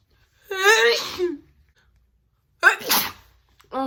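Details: Adult woman recently recovered from a cold: two loud, forceful, wet sneezes, each preceded by a sharp intake before the explosive burst, then speech begins; sneezing.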